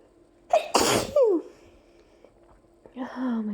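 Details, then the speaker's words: Allergy sneezing after opening windows in summer, ongoing nasal tickle: a sharp intake of breath, then one loud explosive sneeze with a falling voiced tail and a brief vocal sound after. "my god. I'm not done. I still have to sneeze. There's more. No, I still have to sneeze."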